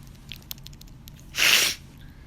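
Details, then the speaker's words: Young woman sneezing: a single loud, hissing sneeze burst under half a second, after a few quiet clicks and breaths. "that was violent 100 my god I can't stop sneezing I sneezed like seven times when I was in my downstairs"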